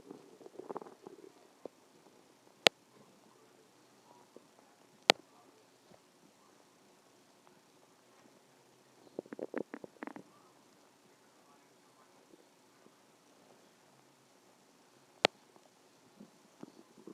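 Soft, scattered gurgles and a brief rumbling cluster over quiet background, with a few sharp clicks; ordinary stomach growling.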